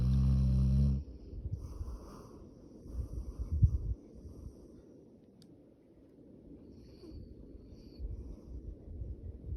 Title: Funny Dog Snoring